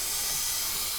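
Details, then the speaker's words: Suction unit, turned up after disconnecting the Yankauer sucker, drawing water through its tubing to rinse the line after suctioning a patient in a simulated airway-clearing scenario: steady, loud hiss. "suction some water and you'll see that it actually runs through"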